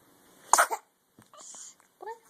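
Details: An infant grunts and makes small vocal sounds around a single sharp, high-pitched sneeze.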